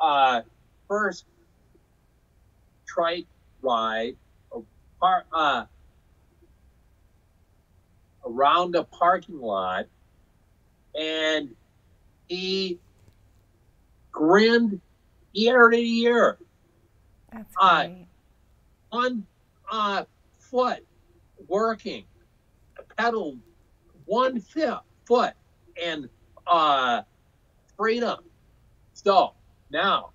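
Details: Aphasia in an adult man after a 2005 stroke caused by hereditary hemorrhagic telangiectasia (HHT); he says he had or still has aphasia, was told he would never talk again, and found talking the hardest part of recovery.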